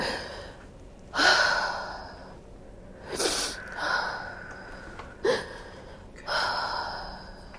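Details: During a fascia healing session with a chiropractic adjustment, four or five short, forceful nasal bursts and sniffs a second or two apart, with quiet room noise between: snorting.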